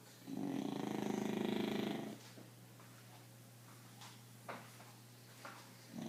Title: Wake & Pete knocked out snoring. English Bulldog